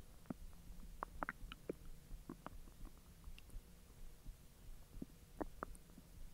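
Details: Belly recorded after eating hotdogs following 10 hours of an empty stomach: quiet, irregular gurgles and squeaks over faint background hiss, ordinary digestive bowel sounds (borborygmi).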